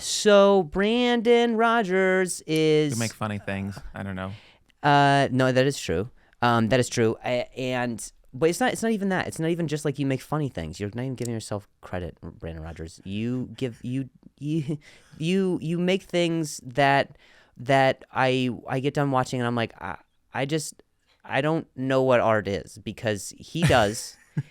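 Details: Comedian who stutters, speaking in a podcast conversation; stuttering.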